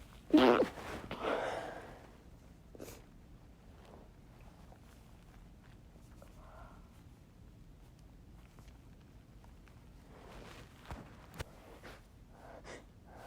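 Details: One sudden burst sneeze that escaped unstifled during attempts to stifle sneezes, with a trailing breath, then low room noise and faint sniffs.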